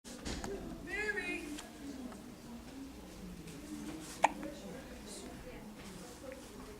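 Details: Single abrupt hiccup from a child, who has had frequent hiccups since before birth, against quiet talk and room noise; hiccups.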